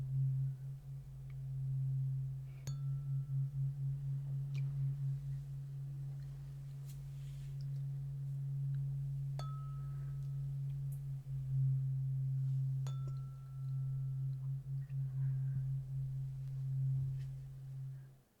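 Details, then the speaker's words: Simulated ASMR role-play hearing test: a tuning fork is struck and its steady low pure hum rings and fades around the listener, with light taps, while the listener traces the sound with eyes closed. "Now, next thing on our test is the tuning fork. You're going to hear a tuning fork. This is rather calming."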